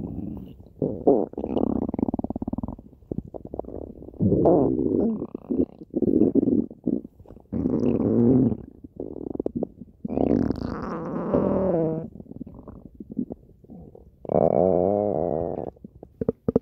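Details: Rabbit with loud, continuous gurgling and rumbling, bubbling and drawn-out groaning tones; active bowel sounds from gut movement.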